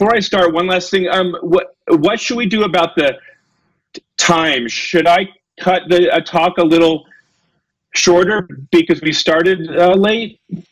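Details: Adult male lecturer with a self-reported stutter, getting stuck on his words; stuttering.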